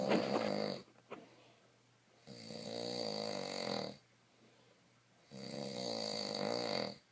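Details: Loud, buzzing, tonal snores on each breath, roughly every three seconds (about 20 a minute), with quiet pauses between: snoring.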